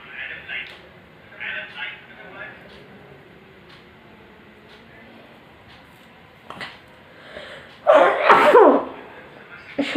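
Soft breathy sounds and a quiet lead-in, then one loud explosive sneeze near the end.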